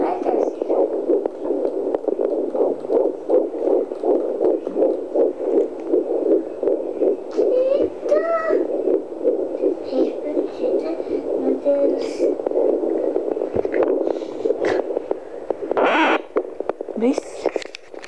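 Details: Fetal heartbeat on Doppler at 13 weeks of pregnancy, twins queried: fast, rhythmic whooshing pulses picked up by the Doppler probe, a normal finding.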